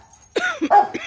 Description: i want to first apologize for all the coughing, just recovering from another asthma attack-dr wants to take a chest xray i guess.